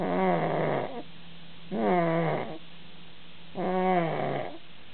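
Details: Loud, regular snoring: three long vibrating snores about two seconds apart, roughly 30 a minute, with a soft hum between, said to be almost as loud as the father's.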